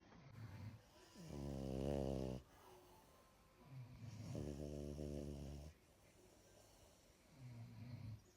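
Deep buzzing snores on each breath in, with softer breaths out, about every three seconds. Snoring.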